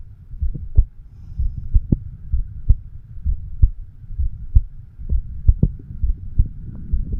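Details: 36-year-old man's own heartbeat recorded with a homemade microphone stethoscope over the mitral (bicuspid) valve area: steady low thumping at about 65 beats a minute through a low hum; normal heart sounds.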